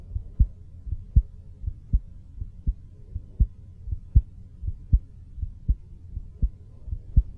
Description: My heartbeat as recorded in a recording studio (OUTSIDE MY BODY) with a mic half a foot away.